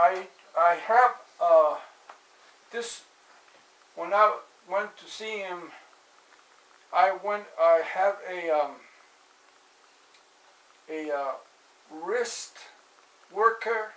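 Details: Adult man with aphasia after a stroke in 2007, recorded in 2016; repetitions and word-finding difficulty. Aphasia.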